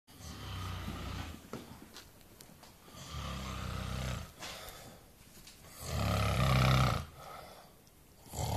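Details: Snoring of the recorder's "old man", with attempts to stop it: loud, low, rattling snores on each breath, about three cycles over eight seconds; typical snoring.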